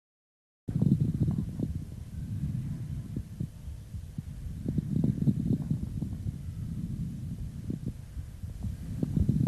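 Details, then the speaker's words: Stethoscope lung auscultation: moist rales, bubbling and popping crackles over low breath noise from fluid in the airways, including medium and coarse types described with abscess or tuberculous cavity. "как правило такое бывает при абсцессе и туберкулезной каверны давайте послушаем как звучат влажные хрипы"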